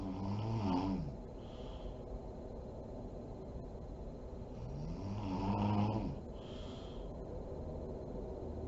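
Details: A sleeping mother snoring: two low, rattling snores on slow breaths in a quiet room, separated by quieter breathing; ordinary snoring.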